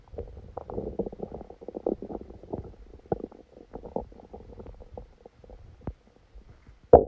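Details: Stomach rumbling: frequent gurgling, bubbling rumbles with short pops and squeaks, active bowel sounds recorded while sleeping with a stomachache that began after Christmas dinner.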